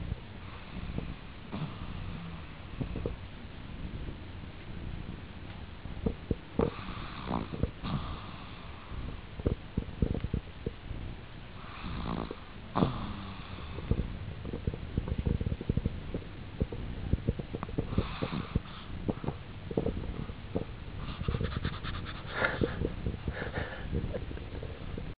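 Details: Pet dog snoring while asleep on its own bedding, with low rumbling breaths and occasional snorts, stirring awake near the end.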